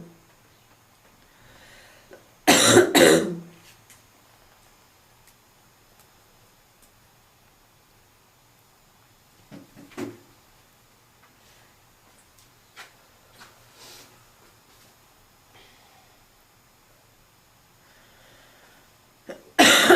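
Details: Seasonal barking smoker's cough: a harsh, barking adult cough burst, then a shorter cough and throat noises in a quiet room; smoker's cough.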